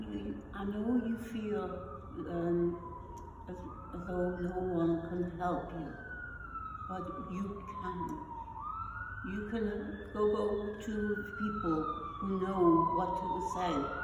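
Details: Adult woman with non-fluent aphasia after a stroke, who also has foreign accent syndrome; non-fluent aphasia.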